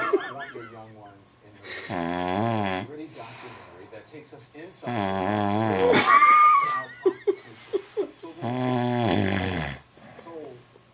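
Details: Loud, vibrating, rattling snores about every three seconds with short snorts between, from a man's friend passed out asleep, snoring like a lion.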